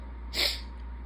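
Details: Sniffly adult recovering from surgery in late January, on continuous pumped fluids and moving toward full tube feeding: a single sharp, hissing sneeze over quiet room hum.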